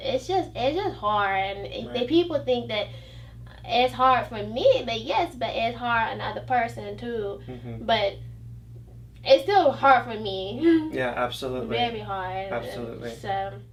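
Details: 29-year-old woman with aphasia and a 'phantom accent' after a stroke, initially dismissed as conversion disorder, with trouble pronouncing words and with receptive language; aphasia with foreign accent syndrome.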